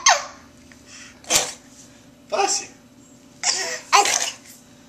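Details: A young child who is learning to walk gives a run of about five short, sharp sneezes in quick succession: sneeze.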